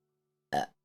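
A single short, voiced burp lasting about a quarter second, following silence.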